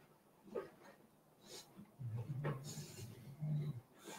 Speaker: This is This is really really weird. Yes, that's That's the dog snoring.